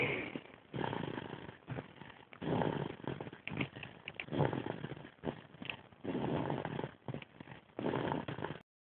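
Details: Snoring from Summer, a sleeping animal: rough, fluttering snores with each breath, about 30 a minute, heard through a muffled recording.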